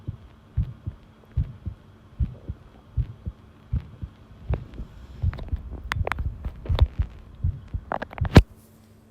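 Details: Long self-recorded heartbeat while listening to one's own pounding heart: steady thumping at about 75 beats a minute, with rustling and handling noise in the later part.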